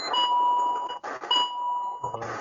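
Repeated steady electronic alarm tones from an ECG simulator monitor; a device alarm sounding.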